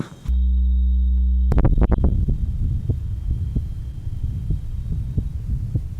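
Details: 1955 heart sound laboratory recording at the aortic area of rheumatic heart disease with mitral stenosis and mitral insufficiency, muffled low heart sounds with a murmur.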